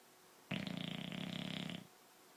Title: Dog snoring